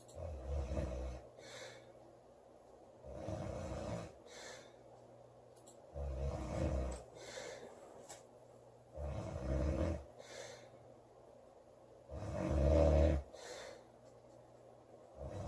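Loud, rough snores on each in-breath with quieter out-breaths, about 19 breaths a minute.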